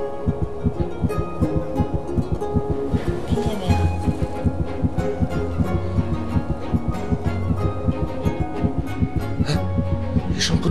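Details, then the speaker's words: Fetal heartbeat on ultrasound in a drama scene: fast, regular whooshing thumps about 150 a minute with music underneath; doctor says 120–160 a minute is normal and the baby is exceptionally healthy. "Esse feto ele não é como nós, adultos Ele pula 120 vezes por minuto Ou 160 é normal"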